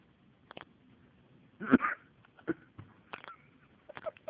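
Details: Person sitting in a library has hiccups: several brief, sharp, squeaky vocal bursts at irregular intervals, odd and animal-like in tone.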